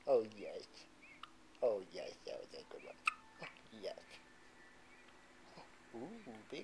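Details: Newborn girl less than a day old with her first hiccups: soft, quick, irregular mouse-like infant hiccups under an adult's gentle cooing.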